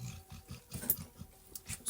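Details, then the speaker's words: Dog snoring while lying in its bed beneath the camera: a quick run of low, rough snorting and snuffling pulses over faint room noise. "Si vous entendez des ronflements et des bruits un peu bizarres, ce n'est pas moi. Sachez que ce n'est pas moi, mais c'est mon chien."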